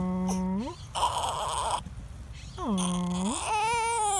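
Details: Two-month-old infant who has hiccups and cries: repeated wailing cries with catches between bursts, adult voice soothing in background; infant crying.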